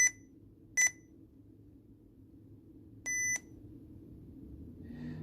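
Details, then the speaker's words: Sapphire infusion pump being shut off after quitting an inhaled epoprostenol infusion, on/off button then confirming off: three clear electronic beeps, the last longer, the power-off confirmation tone. "but in order to do that you'll hit the on off button and then you have to confirm by pressing off"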